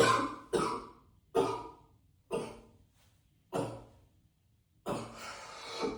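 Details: Coughing up a lung in an echoey bathroom: six heavy, harsh coughs, each a loud burst fading off, repeated forceful coughing.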